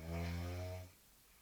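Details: Severe snoring of a sleeping young woman, continuing even with the room light switched on: a single loud, low, buzzing snore lasting under a second, then quiet.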